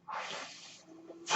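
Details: Mechanical ventilator that a podcaster says is his own, audible during his recording: a brief rushing hiss of delivered air fades into a low steady mechanical hum, one ventilator breath cycle.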